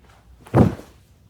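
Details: Joint cavitation during a first-ever chiropractic side-lying lower back adjustment in a woman with neck, upper and lower back stiffness: a single dull thud with a brief crack.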